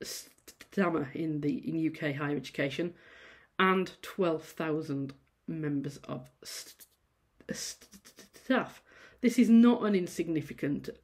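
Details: Adult female university lecturer who says she stammers; sound repetitions and prolongations at word starts; stammering.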